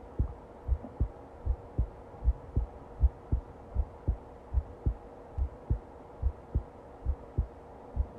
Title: Long heartbeat recording